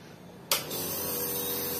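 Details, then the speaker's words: A quiet room, then a nebulizer compressor switches on with a steady hissing hum, given to a young child with a cold who resists and keeps it being switched off and on. "এই যে একটু nebuliser দেওয়া হচ্ছে, আর একটু ঠান্ডার problem হচ্ছে, সেজন্য তো দিতেই দেয় না, 100 বার বন্ধ করে আর চালু করে।"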